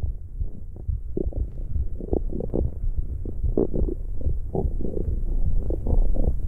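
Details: Continuous low rumbling with irregular gurgles and pops; ordinary stomach growling recorded for ASMR.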